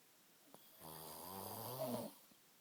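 A single drawn-out, buzzing snore with a clear vibrating tone, lasting just over a second, in a quiet room.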